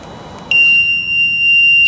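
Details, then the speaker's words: Transport ventilator held at the on/off switch to shut down after the patient is moved to the ICU ventilator: a steady high-pitched continuous alarm that starts abruptly and sounds until silence reset is pressed. "it from beeping you need to then press the silence reset"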